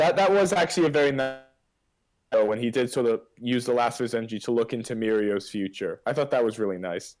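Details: Adult male speaker; Typical speech.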